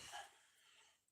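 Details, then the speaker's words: Woman coughing harshly in the background, described by her husband as coughing her lungs up and unwell; cough. "you can hear me Mrs coughing her lungs up she's fucking not well ER anyway I'll give me two minutes"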